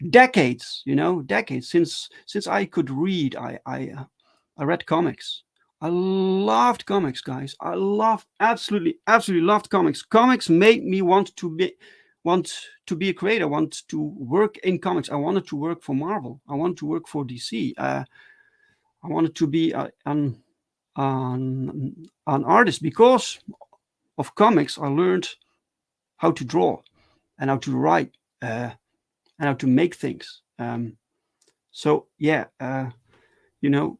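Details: Adult male with stuttering, speaking live in a solo stream: stuttering.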